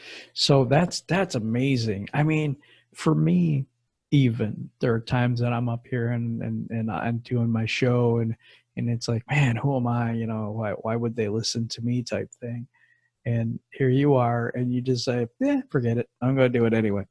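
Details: Adult male speaker; Normal conversational speech.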